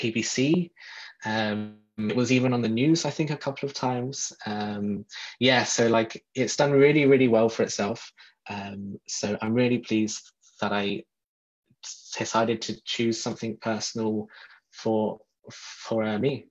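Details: Adult who describes himself as a person who stutters, speaking in a podcast interview; stuttering.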